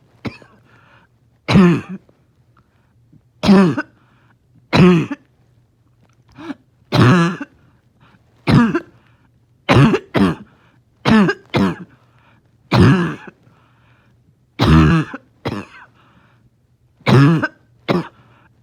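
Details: In the morning, finding it hard to rest: about a dozen harsh, barking coughs in under 20 seconds, some with a rough wheezy edge; recurring barking cough with wheeze.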